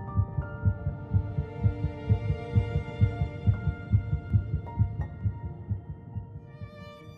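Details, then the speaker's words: Fast, regular soft thumping of about 130 a minute over gentle music: an animated depiction of an early embryonic heartbeat, detectable at three weeks and one day, 22 days after fertilization. "at three weeks in one day just 22 days after fertilization olivia's heartbeat can be detected"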